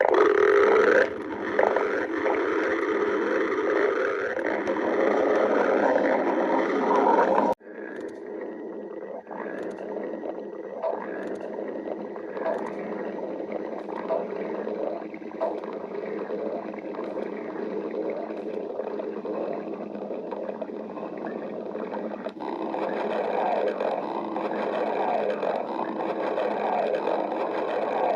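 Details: Ordinary stomach growling (borborygmi): long, low gurgling rumbles with bubbling from gas and fluid moving through the gut.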